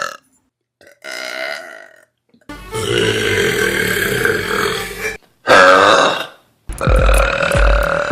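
Several loud, long, rumbling belches in a row, each a few seconds long: burping.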